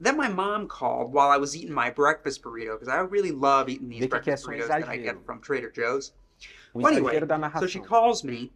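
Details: Catatonia demonstration of the Bush-Francis scale in which the patient speaks in a caricatured way with a mannered accent; vocal mannerism (caricatured accent).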